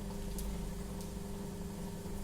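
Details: Suction machine running: steady low motor hum with a constant, unchanging tone during a nursing-school demonstration of oro-nasopharyngeal suctioning of the upper respiratory tract.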